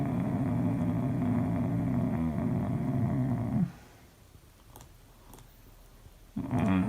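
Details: Adult man with catathrenia, recorded asleep by his wife: long, droning groan on the out-breath, a pause, then another groan begins; nocturnal sleep groaning.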